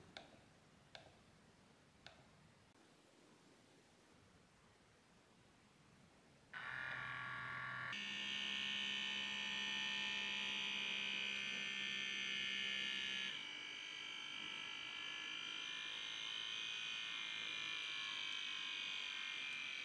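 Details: Sanitas SBM 47 fully automatic upper-arm blood pressure monitor taking a reading: a few clicks, then a steady buzzing pump hum that shifts pitch as the cuff inflates, since the device measures during inflation.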